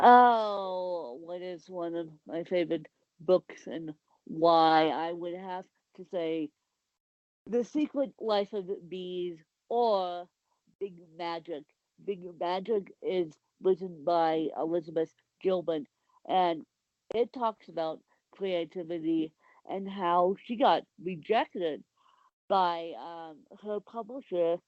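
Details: Speech of an adult woman with cerebral palsy, with mild dysarthria.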